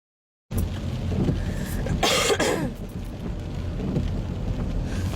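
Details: Driving instructor and female learner with chest colds coughing in turns in a car during heavy rain: short, harsh cough burst, possibly double, over rain and road rumble.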